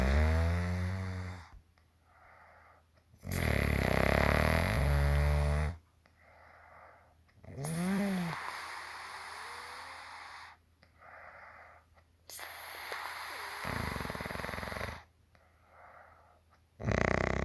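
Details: A mother's loud, harsh, rattling snores on the in-breath with quieter out-breaths between, about 14 breaths a minute; snoring.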